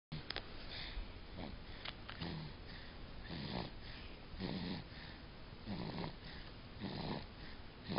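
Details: Someone snoring, "can you hear that? he snores": soft, rough snoring breaths repeating irregularly at about 50 a minute against steady room noise, filmed on a mobile phone; snoring.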